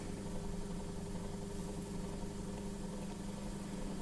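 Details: Nursing tutor's educational demonstration of oro-nasopharyngeal suctioning of the upper respiratory tract, with the catheter passed through the mouth or nose. Steady low motor hum and drone of the suction machine running normally.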